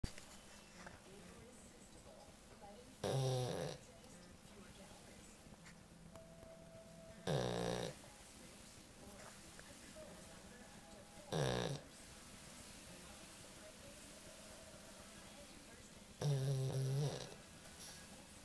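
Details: Sleeping pug: four loud rattling snores about four seconds apart over a quiet room hum; ordinary snoring.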